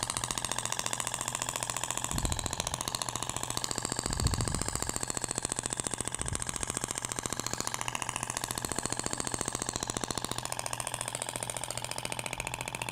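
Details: Thork shockwave therapy applicator firing rapid, steady pulses, about fifteen per second, with a constant hum, moved vertically and horizontally over a patient's abdomen during a practical demonstration, here with a different tip.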